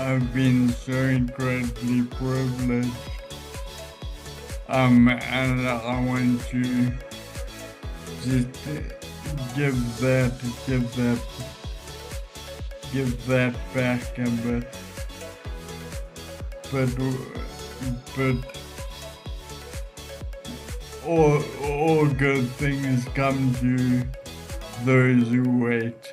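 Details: Adult man with Friedreich's ataxia causing ataxic dysarthria; standard AI speech recognition does not always pick up his voice, and a speech recognition program has been adapted for his speech; ataxic dysarthria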